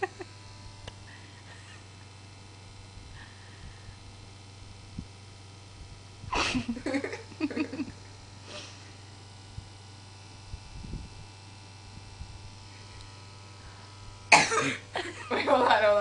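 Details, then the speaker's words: Two abrupt, noisy sneezes several seconds apart, each with a brief trailing sound, against room noise; sneezing with tongue out, induced by holding a back vibrator to the nose. "so I'm going to do that and then I'm going to sneeze my tongue out and you guys are going to laugh at me"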